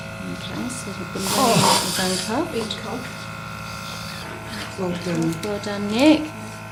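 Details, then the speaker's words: Tracheal suctioning in a 50-year-old man with a tracheostomy after a brain haemorrhage, done while air is removed from the cuff balloon: suction hiss with wet gurgling and squealing over a steady machine hum. "and at the same time still is going to suction any secretions that might have fall down"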